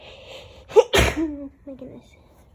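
A quick in-breath, then one forceful, explosive sneeze with a short voiced tail and quiet room noise.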